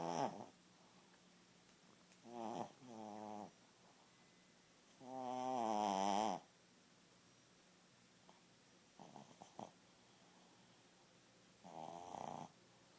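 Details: Repeated buzzing, vibrating snores in a quiet room, each a few seconds long with breathy pauses between them; snoring.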